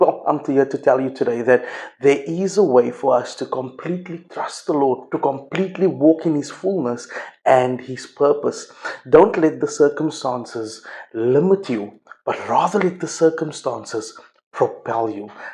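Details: Adult male speaker; normal speech.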